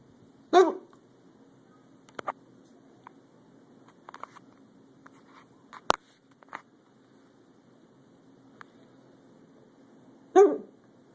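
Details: Hiccups recorded in a hotel: two sharp hiccups about ten seconds apart in a quiet room, with faint small noises between them.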